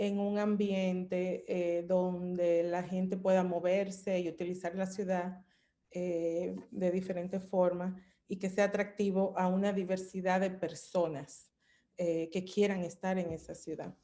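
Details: Adult woman speaking Spanish; normal voice.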